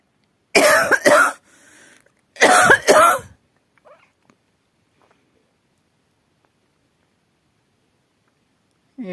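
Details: Adult with a persistent cough that won't go away: two bouts of harsh, forceful coughing, each a quick double cough.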